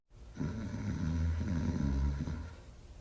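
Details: Male Artois Hound dog asleep: a single long, low, rumbling rattle on inspiration; snoring.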